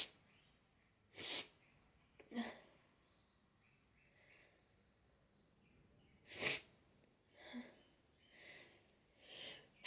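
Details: Spring allergies: a sneeze attack with nose blowing, with two sharp, explosive sneezes, each followed by softer bursts of breath or sniffing, in a quiet room.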